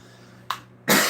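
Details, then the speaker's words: Two sharp coughs, the second louder and harsher, from an adult whose asthma was triggered by smoke from burnt frying fish, causing chest tightness. "My my roommate is frying fish and it burnt a little bit on the bottom and caused lots of smoke and then I get really tight and my asthma kicks in and caused me to"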